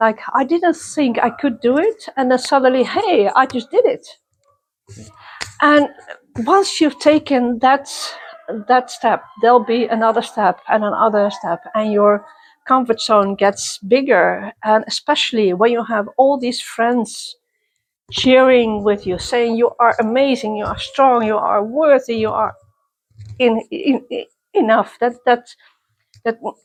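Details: Self-identified person who stutters, interviewed at a youth exchange for people who stutter or clutter; stuttering.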